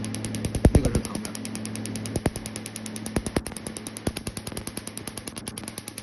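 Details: Rapid regular snapping pulses, about three a second, over a steady machine hum: a picosecond/Q-switched Nd:YAG skin laser firing at high energy during treatment, patient reporting a burning sensation.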